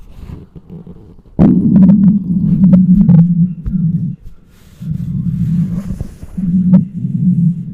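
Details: Long low rumbling gurgles with bubbling pops, recorded with a microphone close to a very hungry adult's abdomen: borborygmi, loud normal hunger bowel sounds.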